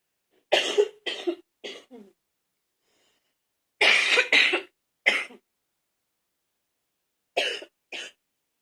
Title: #73 an older candid wet cough